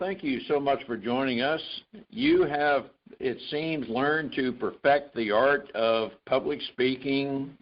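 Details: Adult host speaking; normal fluent speech.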